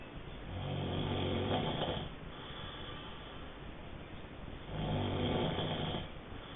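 Two slow, rough, rattling snores on the in-breath with a quiet pause between them; ordinary snoring.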